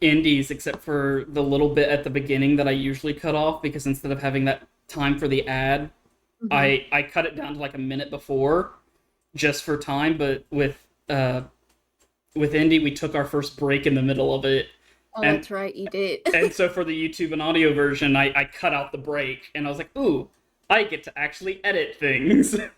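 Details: Adult speaker; ordinary conversational speech.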